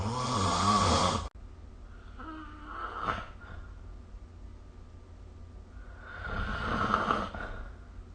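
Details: A loud, rough snore, then quiet breathing and a second, fainter snoring breath in a small room, recorded with a snore-recording phone app; sleep snoring.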